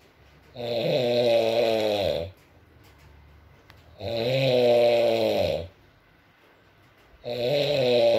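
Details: ASMR recording of a sleeping adult man (boyfriend) snoring, with rain in the background: loud, droning snores on each breath, about 18 a minute, with quiet gaps between; snoring.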